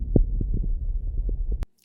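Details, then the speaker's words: Lung auscultation sound: low, rumbling breath sound with scattered brief popping bursts, coarse crackles. "Isso é uma acreptação grossa."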